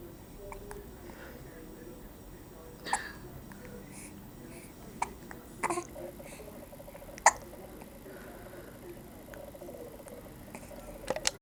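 Short, sharp hiccup sounds recur about five times over eleven seconds against quiet room noise.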